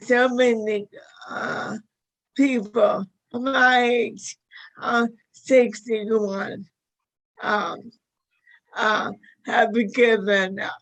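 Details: Dysarthria in a 61-year-old woman with motor neuron disease diagnosed five years earlier; severity varies from day to day.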